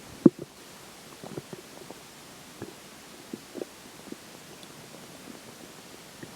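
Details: Stomach growling during digestion after pizza for breakfast and McDonald's for lunch: soft, scattered gurgles and low rumbles over quiet background; bowel sounds.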